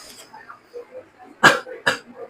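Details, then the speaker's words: Patient demonstrating voluntary coughing during chest physiotherapy airway clearance training, alongside huffing: two strong, sharp coughs after quiet breathing. "Coughing है। और हफिंग करके दिखाइए। ठीक है।"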